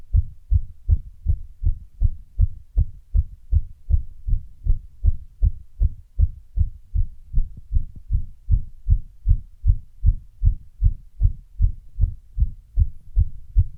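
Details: Heart sound recorded after running: fast heartbeat around 150 a minute with a few irregular beats partway through; post-exercise fast heart rate with arrhythmic beats.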